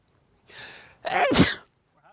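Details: Sneeze caused by dust kicked up while shooting an M82A1 Barrett .50-caliber rifle outdoors: a short indrawn breath, then a sudden loud burst of air.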